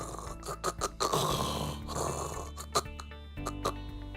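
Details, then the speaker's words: Rough, rattling snoring imitated by a sleep-medicine physician over background music, illustrating the snoring of obstructive sleep apnea. "Obstructive sleep apnea is simply I snore, and at times I stop breathing or my breathing interrupts my sleep. It sort of sounds like this."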